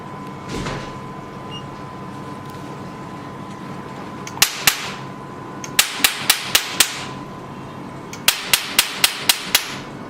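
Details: Sharp snapping clicks in quick bursts, about four a second, over a steady machine hum; Q-switched Nd:YAG laser handpiece of a 3-in-1 IPL/OPT/RF beauty machine firing during a demonstration test shot.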